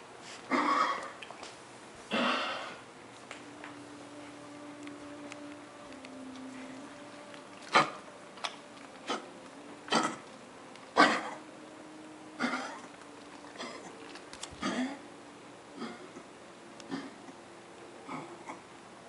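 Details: Dog on day 3 of coughing and vomiting clear fluid: two harsh coughing bursts, then a run of short, sharp hacking and retching sounds.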